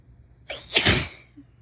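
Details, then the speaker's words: Adult with a new head cold during a sneezing fit, feels like a cold rather than allergies: a quick catching breath, then one loud, explosive sneeze. "Oh no, I'm gonna sneeze. Fuck."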